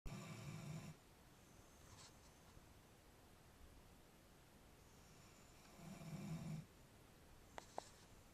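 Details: A sleeping female dog with a curly tail snores low and fluttering, about once every five seconds, then stretches, yawns and wags her tail; snoring.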